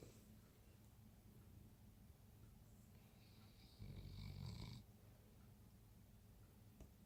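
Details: Dog snoring during sleep: a soft, low rumbling snore on one breath against quiet room noise.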